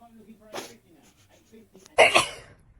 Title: Cat sneezes #catlover #pet #cat #kitten #kitty #usa #cutecats #foryou #funnyanimalsvideos